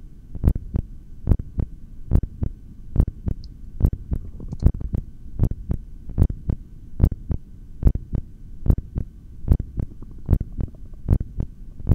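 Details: Regular, steady heartbeat at about 73 beats a minute through a stethoscope during a breath-hold session, with a low background hum.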